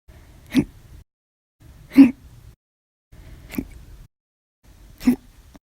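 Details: Hiccups after lunch, described as violent, loud, silent and minute: four sharp, abrupt hiccup sounds about every 1.5 seconds, each a brief jolt; recurring hiccups.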